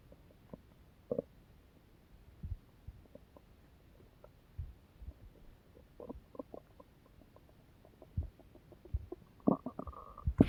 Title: Do you guys hear My Stomach growling